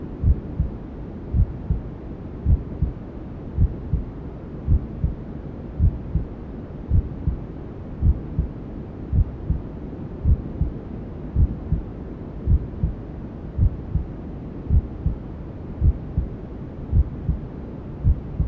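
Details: Newborn-sleep ASMR simulating womb sounds: steady low heartbeat thumps, about 54 a minute, under continuous whooshing white noise; a mother's heartbeat as heard in the womb.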